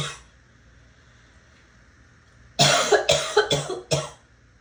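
After a quiet pause, a quick run of four or five sharp, harsh coughs in under two seconds; rapid coughing.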